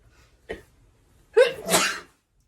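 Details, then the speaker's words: Person with bad allergies during a sneeze attack: short catching breath, then a big forceful two-part sneeze with a rising vocal 'ah' onset; allergy-related sneezing. "so sorry if I'm tearing up a little these just are just such big powerful sneezes it's a hard to contain"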